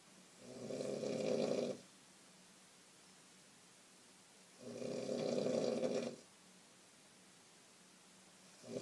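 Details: Mother snoring while asleep in bed: two long, rough inspiratory snores about four seconds apart with quiet exhalation between them, and the start of a third at the end.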